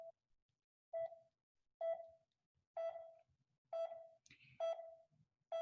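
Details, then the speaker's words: Pulse oximeter demonstration in which each audible beep marks one heartbeat: steady tonal beeps at about 65 per minute in a regular rhythm, allowing heart rate and rhythm regularity to be judged by ear. "because there's an audible beep you can actually hear whether it's regular or irregular each beat corresponds to each heart heartbeat or pulse so pulse oximeters beep with each heartbeat allowing the provider to calculate the heart rate"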